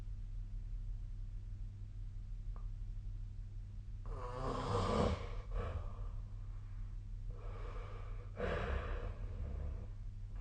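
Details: Snoring during sleep recorded with the SnoreLab app: two rough, noisy sleep breaths with a fluttery rattle over a steady low room hum.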